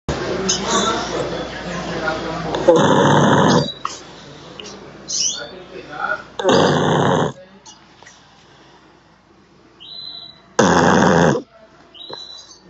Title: roncando...!!!